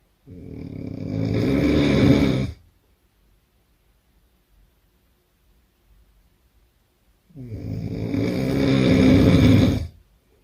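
Two loud, long, rattling snores about seven seconds apart, each building through inhalation, with quiet between. Heavy snoring.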